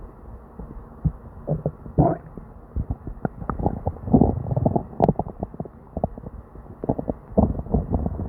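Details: Person with diarrhea and an upset stomach: near-continuous gurgling, bubbling and rumbling from the belly; hyperactive bowel sounds (borborygmi).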